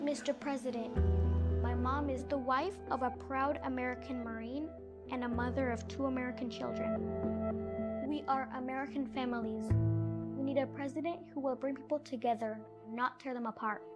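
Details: Young girl speaking, with background music; ordinary speech.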